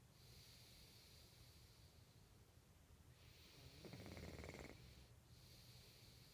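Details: Soft breathing with one brief fluttering, buzzing snore in the middle: snoring.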